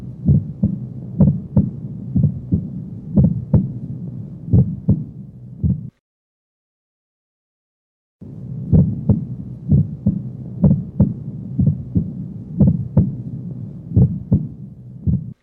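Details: Split first heart sound, regular at about 60 bpm, with S1 heard as two close taps. This splitting is normal in many patients and is thought to come from mitral closure followed by an aortic ejection sound.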